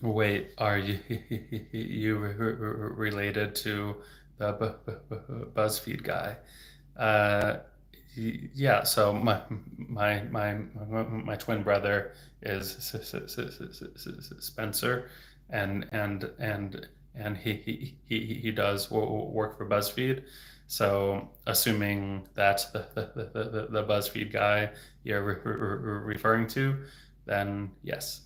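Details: Real developmental stuttering in an adult male speech-language pathologist who has stuttered since age 8, heard stuttering openly with word repetitions.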